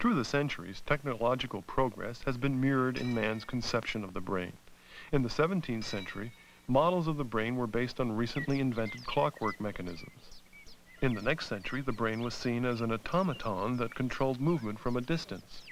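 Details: Adult male narrator; normal speech.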